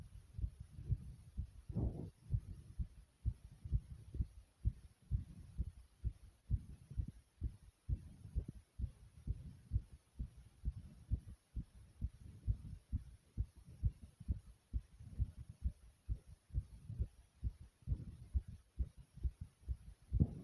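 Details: Fast heartbeat after jumping in place, with heavy breathing: rapid, regular low thumps at about 130 per minute; a normal fast heartbeat after exertion.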